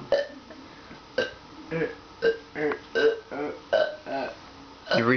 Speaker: can you put this on Facebook D those are dirty burps Man Dirty you dirty bus mom